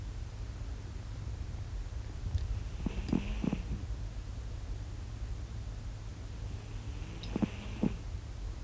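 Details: Cat snoring while asleep: two soft, snorting breath sounds a few seconds apart over steady background hiss.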